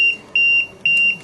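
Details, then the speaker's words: LTV 1200 ventilator disconnect alarm: repeating high-pitched electronic beeps in regular bursts, triggered by a loose pressure line while the patient still receives breaths; the patient circuit and ET tube are intact. "In this case, patient is still getting the breath, but it's going to keep on telling you there's a disconnect in the system. And it is not the patient's circuit, it's not the patient's ET tube, it's just a pressure line over here."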